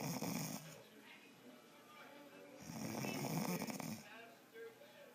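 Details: Adult woman asleep: two long rumbling snores on breathing in, separated by quieter exhalation, about one breath every 3 seconds; snoring.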